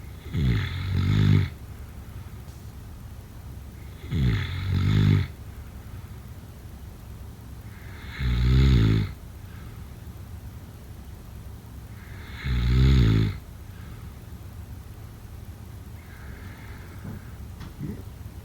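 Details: Four loud, low, fluttering snores on inhalation, about 15 per minute, with quiet pauses between; sleep snoring.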